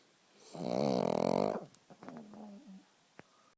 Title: Snoring pug